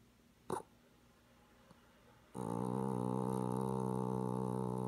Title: Winnie cat snoring, 7/12/16